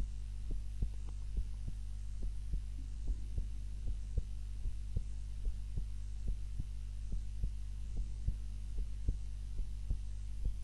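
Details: Heartbeat recorded by timer during a daytime nap, lying on the back rather than the usual face-down: regular soft thumps about 74 a minute over a steady low hum; normal heartbeat.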